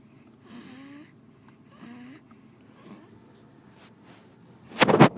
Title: snoring and smiling in her sleep.